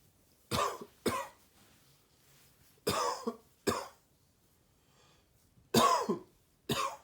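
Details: Cough triggered by sub-zero cold air in an adult without a cold: six short dry cough bursts in two pairs.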